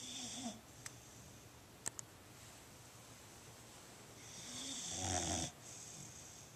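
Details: Fostered female Boxer dog snoring: two loud, rattling snores separated by a quiet pause with a couple of soft clicks, in a quiet room.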